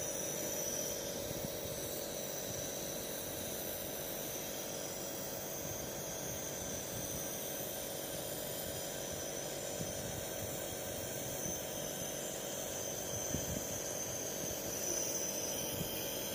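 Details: Nebuliser compressor running continuously with a steady high-pitched hiss and hum, during nebulisation of a child with cerebral palsy holding the nebuliser himself.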